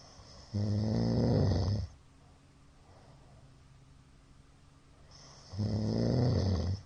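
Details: Middle-aged man snoring in his sleep: two loud, rough snores separated by a quiet pause of about three and a half seconds; the uploader suspects sleep apnoea from the count of shallow hypopnoea breaths.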